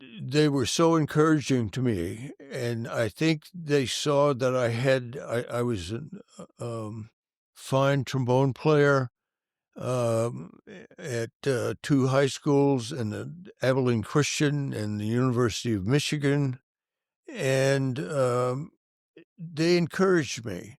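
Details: Adult male band director with stuttering that was severe in childhood and stayed severe for many years; he says he still stutters, as can be heard. Finding: stuttering.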